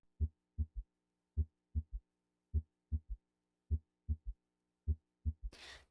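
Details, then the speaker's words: Normal patient's third heart sound at the apex, generated in early diastole with rapid ventricular filling; regular rhythm of S1 and S2 followed by a soft, low extra filling sound; normal S3. "This is a graphic example of the heart in a normal patient with a third heart sound at the apex."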